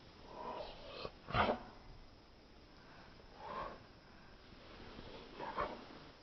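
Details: Slow-motion (240fps phone video) cat sneeze: a sharp small nasal burst near the start, then two softer snorts, in a quiet room.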